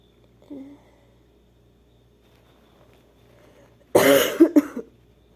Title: sneezing (F)